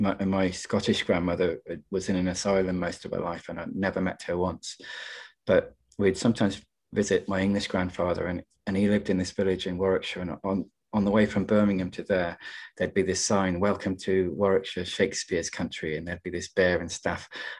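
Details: Stammering (stuttering) in an adult male poet who stammers; he links his stutter partly to caring too much about what he was going to say. Recorded in a British Stammering Association webinar.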